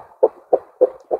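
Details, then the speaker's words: Doppler arterial pulse signal from a newborn's radial artery in the NICU during manual cuff systolic blood pressure measurement: rhythmic whooshing pulses, about 200 per minute. "until the pulsation noise is lost once your pulsation noise is lost inflate your cuff to about 20 above this and then slowly begin to reduce once your pulsation noise has come back in this is the measurement of your systolic blood pressure"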